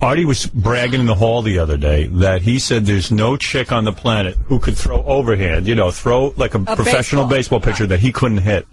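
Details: Adult man speaking; ordinary speech.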